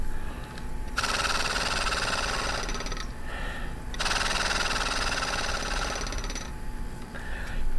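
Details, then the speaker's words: A patient with tracheomalacia and a repaired tracheoesophageal fistula, who has trouble clearing secretions, exhales twice through an oscillating positive expiratory pressure flutter valve to break up secretions; each exhalation is a rapid rattling buzz, separated by a quiet breath in. "And this, as the name suggests, you breathe out or expire against, and there is a little flutter valve in here that sort of gives you a little bit of extra pressure against which you're exhaling, and it can help break up secretions."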